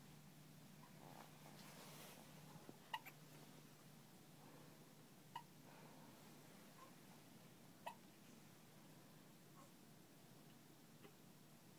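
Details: Hiccups: faint, sharp, isolated hiccup sounds at irregular intervals in a quiet room.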